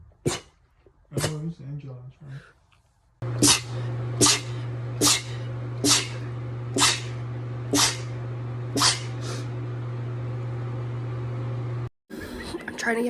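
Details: A girl's rapid sneezing fit: about seven short, sharp sneezes roughly one second apart over a steady background hum.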